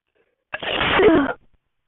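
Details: A single sharp sneeze lasting under a second, in a quiet room.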